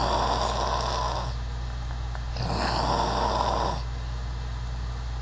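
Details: Human snoring with varied sounds: two long, rough snores about two and a half seconds apart over a steady low hum.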